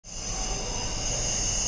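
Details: Steady hissing hum and low motor drone of a nebulizer running, used to treat a cough.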